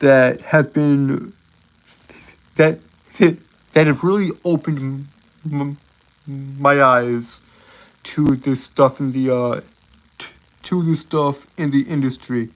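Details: Stuttering in an adult male live-streamer who says he has a speech impediment and stutters a lot.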